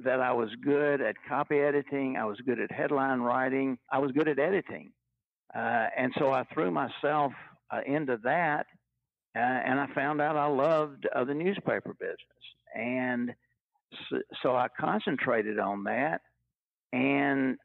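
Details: Stuttering in a retired adult man who has stuttered all his life, since childhood in the 1950s; stuttering.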